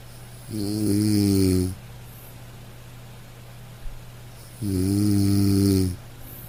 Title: Best Snoring Sound Effect (8 MIN)